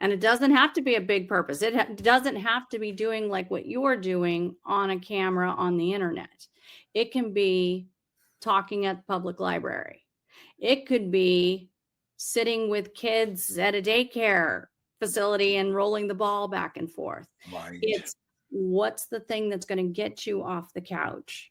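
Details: Adult speaker; ordinary speech.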